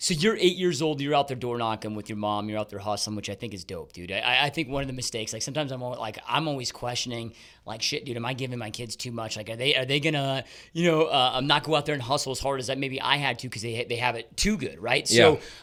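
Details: Adult male speaker; typical speech.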